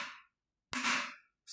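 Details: A Comed shockwave lithotripsy machine is test-fired at shock level 1 after its water is changed, in preparation for a pediatric patient. Sharp, sudden cracks are separated by silence. This is lithotripter shock wave firing.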